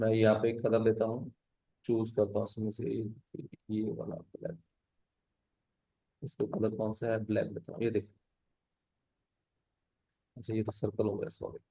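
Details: Adult male teacher; typical speech.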